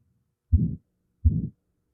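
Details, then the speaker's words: A recorded aortic stenosis heart sound, played after a normal S1 S2 for comparison: two heartbeats, each a thump followed by a harsh, abrasive, rasping systolic murmur. "oh wow sounds abrasive yeah and I think that you know oftentimes it's a little more high pitched than that and cl you know the classic teaching is it'll radiate up into the Carotid so you can hear it up in the neck"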